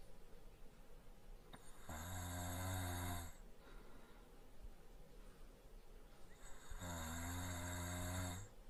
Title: Boyfriend sleeping while snoring lightly SFX